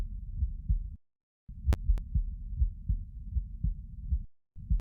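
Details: Normal heart sounds recorded lying down: steady low thumping heartbeat with brief dropouts in the recording.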